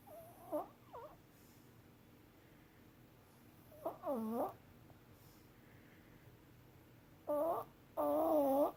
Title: Molly Snoring